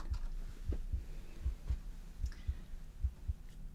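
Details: Simulated ASMR emergency-room chest exam after a head-injury accident, with deep breaths in and out: a steady, regular two-part heartbeat through a stethoscope at about 77 a minute, with low room hum; normal heartbeat.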